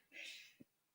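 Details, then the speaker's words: A single faint sneeze from the speaker's boyfriend, a distant airy burst then a soft thump, picked up by the microphone in the background of a quiet room during a podcast recording; he is described as a screaming sneezer. "can you hear my boyfriend sneezing I heard something in the micophone he sne he's a screaming sneezer"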